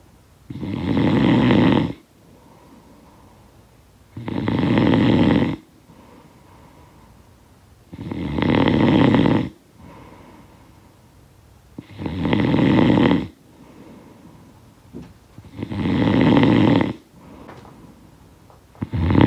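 Six steady, harsh inhalation snores at about 16 breaths a minute, with quieter breathing out between them. Sound-effect snoring.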